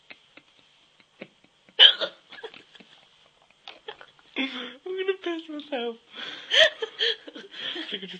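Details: Person with hiccups: a sudden sharp hiccup burst followed by soft voiced sounds and breaths.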